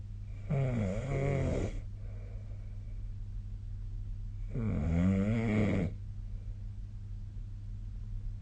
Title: 🐽 本日のイビキ / Snoring Sleep Sound 2025/02/08